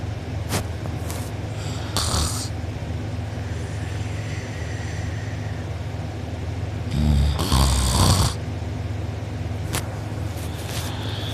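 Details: Rough, rattling breathing over a steady low hum with a louder snort-like burst midway, recorded by a sibling during deep sleep; mouth open and drooling, uvula and soft palate sore afterward: loud snoring.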